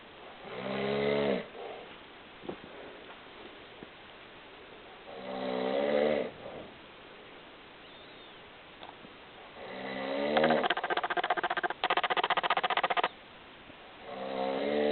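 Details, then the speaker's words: Adult male (dad) snoring during sleep: loud rattling snores on each inward breath with quiet pauses between, and a harsher buzzing snore near the end. "I take um I'm taking a video of dad snoring I'm the only one in my family that doesn't snore"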